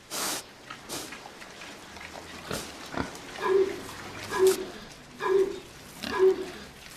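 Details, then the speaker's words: A pig on an organic farm coughing from a cold: a few short, harsh coughs among regular grunts. Colds are said to go around among the pigs as in humans. "On entend tousser un cochon. Ils attrapent des rhumes comme nous. Il arrive qu'il y ait une vague de rhume chez eux, comme chez les humains."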